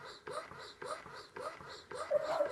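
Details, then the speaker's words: Medela electric breast pump demonstration with a single pump set up: rhythmic mechanical whooshing suction cycles about every half second. "you actually have the option to do two at a time I just set up one for you plug it in you can actually hear the suction"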